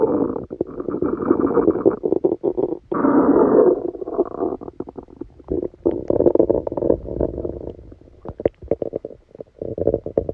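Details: Stomachache after Christmas dinner, recorded while sleeping: long, loud gurgling and rumbling runs with bubbling pops, active bowel sounds (stomach rumbling).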